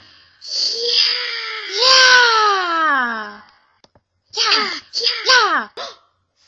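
Long, drawn-out wailing cry with a falling pitch, followed by several shorter cry bursts.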